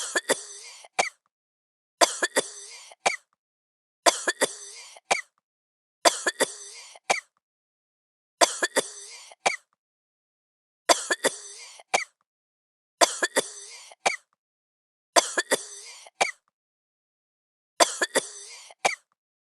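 Repeated coughing bouts, about nine in twenty seconds, each a harsh burst followed by a sharp second cough.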